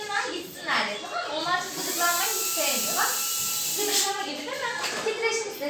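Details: Dental polishing handpiece during a 7-year-old girl's dental filling treatment: a steady high whirring hiss runs under an adult's gentle talk to the child.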